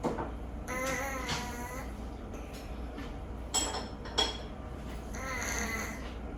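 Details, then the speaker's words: Beeping, whistling snoring from a sleeping rescue cat whose nose is always slightly congested, with audible breathing even when awake; the snoring is louder than usual today: snoring with nasal congestion. "鼻詰まりあるっていうね。"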